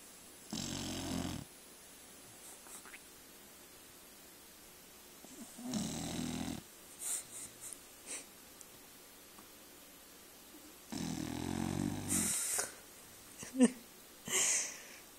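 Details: Loud, rough snoring in a sleeping dog: three snores about five seconds apart with small snuffles and clicks between.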